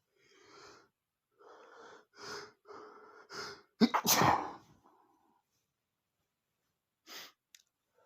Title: male sneezing #32 (DUSTY BOOK MAKE ME SNEEZING!)